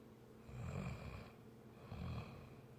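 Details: Two low, rattling snores on the in-breath, separated by quiet pauses, in a quiet room; ordinary snoring during sleep.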